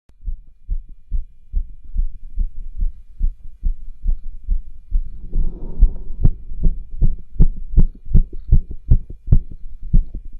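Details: Cardiology stethoscope auscultation over tricuspid, aortic and pulmonic areas in a male doing pushes: fast heartbeat with rough, scratchy murmurs and rubs between beats, loudest over pulmonic area.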